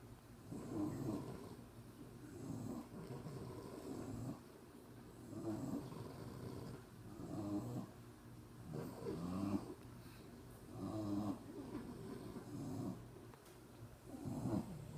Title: Everyone is snoring